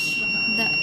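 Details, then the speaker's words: Student-built syringe pump prototype after dispensing 15 mL of water with outflow closed: pressure rise detected, LED lights and a steady high-pitched buzzer sounds; syringe pump high-pressure alarm. "LED turns on and the buzzer so I will fill it up back so that the pressure in here decreases"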